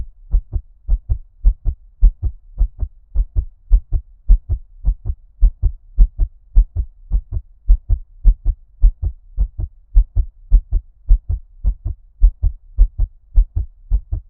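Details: Fast heartbeat in an ASMR ear-cupping recording: steady, muffled paired heart thumps at a brisk, even pace, sounding underwater.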